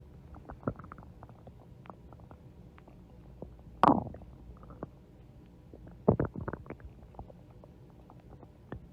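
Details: Ordinary stomach growling (borborygmi): quiet bubbling clicks and gurgles with a couple of louder squeaky growls.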